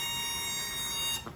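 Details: Parapak plus 310 ventilator during setup pressure check, circuit occluded with tidal volume 700, FiO2 50%, pressure relief 40, PEEP off: steady high-pitched electronic high-pressure alarm tone.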